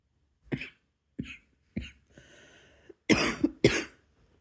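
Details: Adult coughing at bedtime, coughing themselves to sleep: five short coughs, the last two louder and harsher, with a soft breathy sound between; a brief bout of coughing.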